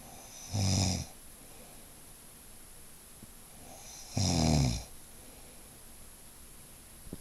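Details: Nightly snoring that once lasted from 11 to 3: two low, rattling inhaled snores about three and a half seconds apart, with quiet breathing between.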